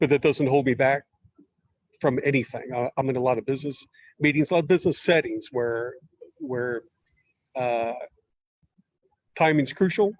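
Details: Stuttering in an adult man who uses word substitution and sentence starters and blocks on certain words, speaking in a podcast interview.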